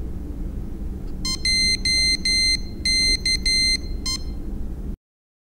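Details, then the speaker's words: CADD Prizm infusion pump powered by a 9-volt battery: a quick run of high, clear electronic beeps over low room hum as the screen reads "power up successful", signalling the automatic review is complete and the pump is ready to use. "you will know the automatic review is complete and the pump is ready to be used when the screen reads power up successful and you hear a series of beeps"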